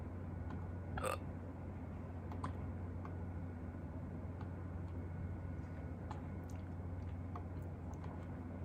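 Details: Hiccups recorded in a short clip by a person who got hiccups for the first time in a long while.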